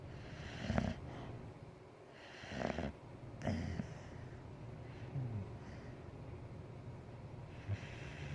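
Irregular snorty, rattling breaths, several over eight seconds, with soft whistling between: a sleeping dog snoring.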